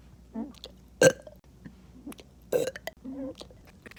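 A string of burps, two of them loud and voiced, with softer ones between. Repeated belching.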